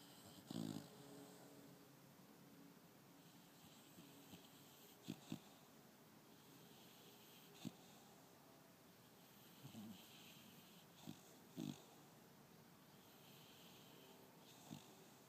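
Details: Snoring and dreaming in a sleeping 5-month-old pit bull puppy with her tongue out: soft, scattered snuffles, snorts and brief whimpers; light snoring with dream noises.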